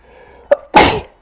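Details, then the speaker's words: Adult man repeatedly sneezing, big rather than small sneezes, while recording mobile gameplay: a quick sharp inhalation then one loud, explosive, hissing burst of air; a forceful sneeze. "En plus, c'est pas des petits éternuements, c'est des gros éternuements, quoi."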